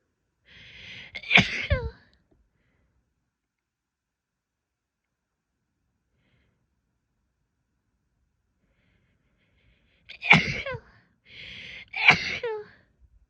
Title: sneezing, stifles, and a couple nose blows (f)